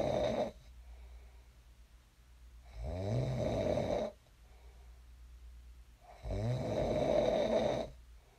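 Rumbling snores lasting about a second and a half, with quiet breathing between them, in a quiet room.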